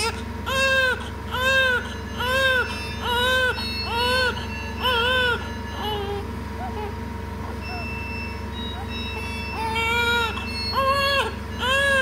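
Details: Newborn baby admitted to a neonatal care unit for treatment: rhythmic high-pitched crying in short repeated bursts, with a brief pause and a steady low hum in the background.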